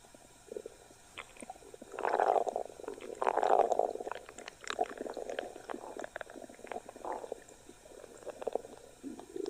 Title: Pochi science stomach growl